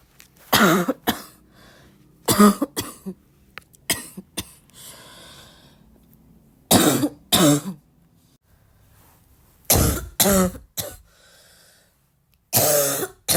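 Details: Self-perpetuating cough, more coughing bringing more urge to cough: repeated short bursts of coughing in clusters with throat clearing between bouts.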